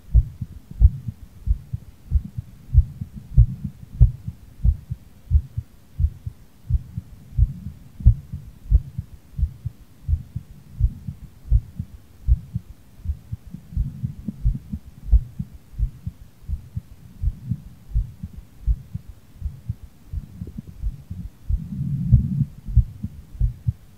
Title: heartbeat after playing bowling on Nintendo switch sports